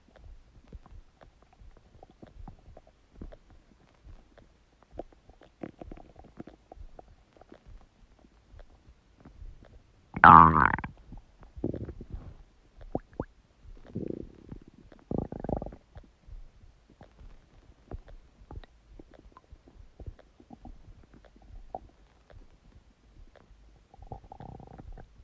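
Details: Huge stomach gurgling: low, bubbling abdominal gurgles with one loud rumbling burst and several shorter gurgles, ordinary borborygmi.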